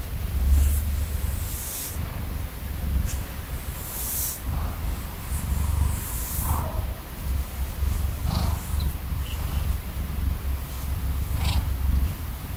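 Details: Loud, steady low rumbling purr with soft rustling from Jingjing, a male cat, drowsy and falling asleep under the covers beside his owner; normal contented purr.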